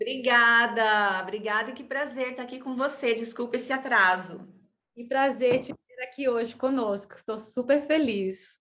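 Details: Adult woman speaking Portuguese; typical speech.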